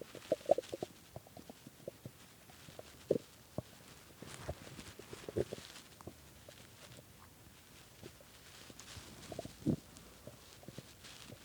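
Faint, scattered gurgles and squeaky rumbles over quiet room noise, typical of stomach growling from hunger.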